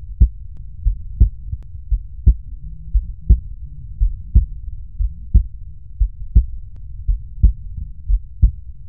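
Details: Normal heart sounds on cardiac auscultation over the valvular auscultation foci, recorded for teaching: regular paired low thumps, first and second heart sounds, at about 65 a minute with a faint low hum.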